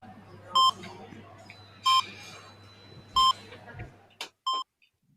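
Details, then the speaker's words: Sound effect in an audio drama: regular bedside patient monitor beeps, about one every 1.3 seconds, for a man hospitalized after a radiation accident, on oxygen; faint room noise. "The rhythmic beeping of Jeff's hospital monitor drills through her head, the same as the sirens of the ambulance had during the longest ride of AA's life just hours ago."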